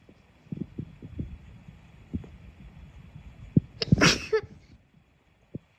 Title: sneeze 1-10